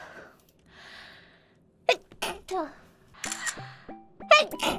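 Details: Sneezes from a Korean streamer's sneeze compilation: a few short, sharp sneeze-like bursts mixed with brief speech sounds and background music.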